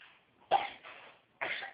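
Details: Two brief, harsh coughs about a second apart in a quiet room; cough.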